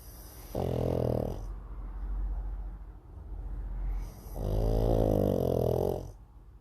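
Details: Two pugs asleep on a sofa during an afternoon nap: two long rattling snores with quieter snuffling breaths between them; snoring.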